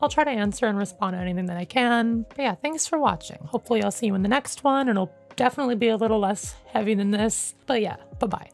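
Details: Adult male with self-identified, not professionally diagnosed functional voice disorder, ongoing about 9 years since he held his pitch unchanged through puberty; higher-pitched voice: mutational falsetto (puberphonia).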